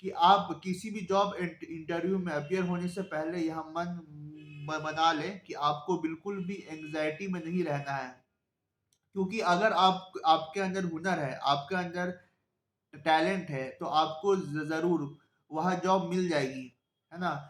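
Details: Stuttering in a self-identified adult male who stammers, speaking Hindi; stuttering.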